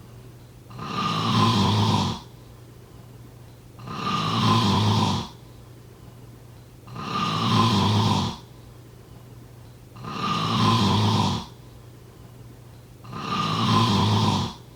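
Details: Five regular, loud, rasping snores on the in-breath with quiet pauses, about 19 breaths a minute; steady snoring.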